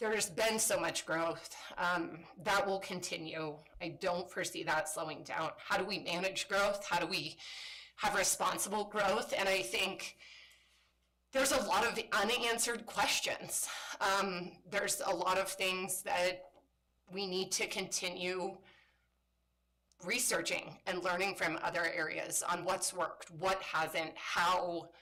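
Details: Woman with spasmodic dysphonia, a voice disorder she calls a brain disorder and says kicks in sometimes; spasmodic dysphonia.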